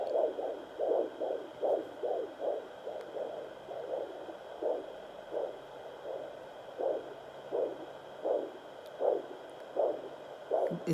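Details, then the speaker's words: Fetal heartbeat at 20 weeks and a day, heard on a home Doppler and hard to find at first: rhythmic whooshing beats over a faint hum. "oh my belly took a while to up to find the heartbeat because this thing is that it's at home great so even our adult heart beats it was hard to find"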